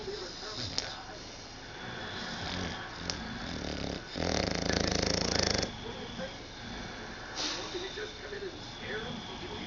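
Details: Noisy recording with one loud, buzzing snore in the middle and softer breathing sounds around it; snoring.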